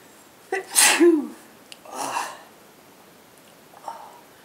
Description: me and my Girlfriend sneezing again, and blowing the Nose